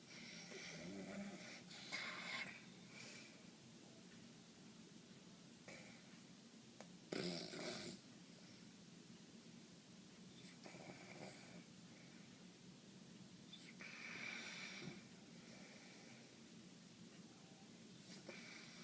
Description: Sinus congestion every night causes breathing problems